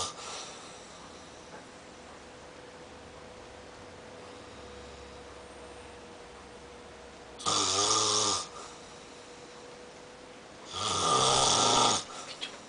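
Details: Two loud, harsh, rattling snoring breaths separated by quiet pauses of a few seconds; snoring.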